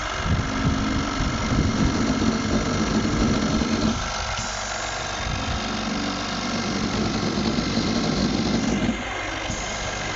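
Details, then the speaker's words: Loud, steady mechanical hum with rapid rhythmic pulsing and rattling from an oxygen concentrator's compressor during servicing and repair; oxygen concentrator running. "আমরা এখন oxygen concentrator মেশিনটা সার্ভিসিং করে দিচ্ছি।"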